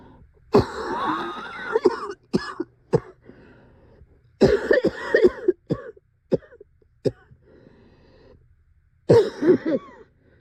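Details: Described as the scariest coughing fit yet, never having coughed like this before; a severe coughing fit.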